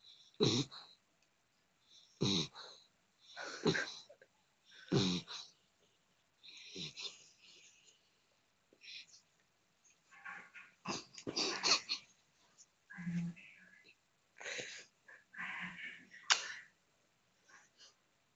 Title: dog snoring